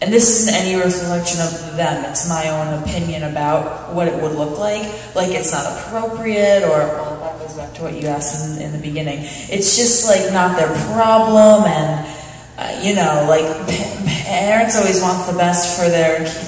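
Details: Adult speaker at a National Stuttering Association conference session (July 2009), with long pauses between word groups; stuttering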